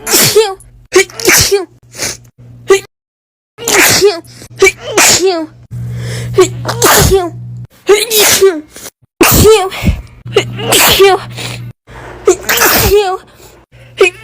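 A run of sharp, explosive sneezes, about a dozen, each with a quick intake before it, over a low steady hum.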